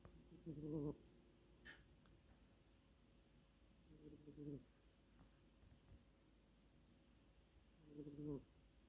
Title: Snoring Cat #short